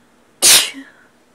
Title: Sneezing Again